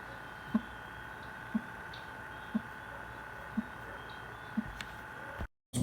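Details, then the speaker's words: Systolic click: regular heart sounds at about 60 a minute with a short, sharp click added in systole. "Y los clics pueden ser de eyección o de no eyección. Se dan en sístole, los de eyección pueden darse por estenosis aórtica o de la pulmonar y los de no eyección en el prolapso valvular mitral."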